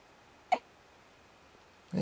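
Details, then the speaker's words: Four-day-old baby boy with hiccups, lying on a bed: a brief, abrupt single catch of breath in a quiet room; infant hiccups. "He's four days old and he's got bigger cups. Not his first case, but definitely maybe his second or third."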